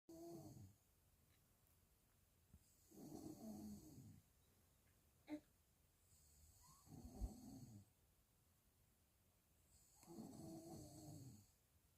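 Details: Father snoring while his newborn baby cannot sleep: low rattling snores on each breath in, about 15 to 17 a minute, quiet pauses between; ordinary snoring in a quiet room.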